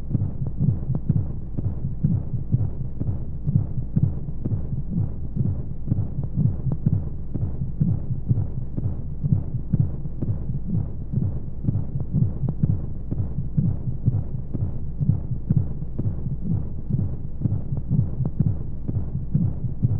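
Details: Baby sleep-aid womb sound: steady, muffled low heartbeat thumps at about 125 a minute under constant whooshing noise and white noise, a womb-style heartbeat.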